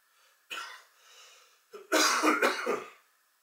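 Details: Harsh coughing fit from an adult meditating indoors: a throat clear, then a short burst of two or three harsh coughs in a quiet room.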